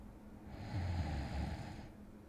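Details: Simulated ASMR role-play of a boyfriend falling asleep with light snores: a single soft, low, acted snoring breath.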